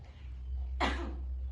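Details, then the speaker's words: Simulated dry cough at pharmacy role-play: single short acted cough from adult woman, dry without rattle; patient reports dry cough after eating too much fried food. "boleh tahu obat batuknya batuk berdahak atau batuk kering ya Mbak? Batuk kering Mbak."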